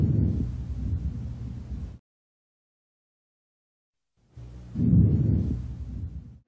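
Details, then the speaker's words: Normal vesicular breath sounds heard with the stethoscope diaphragm over the intercostal spaces on the side of the chest for one full respiratory cycle: a soft, low-pitched rustling. "Listening for one complete respiratory cycle. Here is a normal vicular sound."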